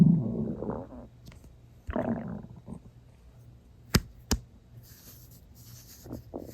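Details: Loud stomach growling in a person who was not very hungry and had eaten not long before, drinking water toward the end: low gurgling rumbles with sharp pops, normal bowel sounds.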